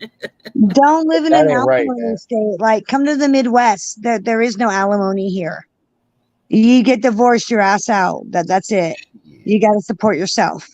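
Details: Adult speaker; Typical speech.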